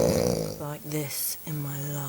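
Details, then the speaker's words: A man snoring during sleep, described as very loud: loud, buzzing, voiced snores with a brief pause between them. "life and if you do this when we get in the bed I will kick your ass because you're very annoying and it's very loud"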